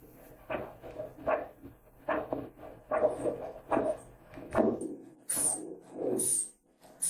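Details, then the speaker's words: Doppler probe with gel over the right brachial artery of a female patient during an ankle-brachial index test for peripheral arterial disease: strong, loud, rhythmic whooshing arterial pulse, about 70 a minute. "All right, I have a strong, loud measurement."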